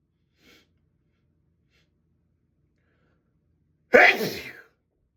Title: sneeze fit in the bathroom